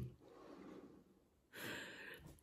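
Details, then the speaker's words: Sleeping pet dog snoring indoors, a low rumbling intake then a louder breathy snorting exhale; owner notes the snoring gets louder the louder they talk. "vous avez vu plus je parle fort plus il ronfle fort c'est fou il comprend"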